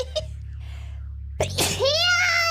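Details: VTuber sneezing during a live game stream: a sudden, high-pitched sneeze burst, followed by a drawn-out voiced sound, over faint background music.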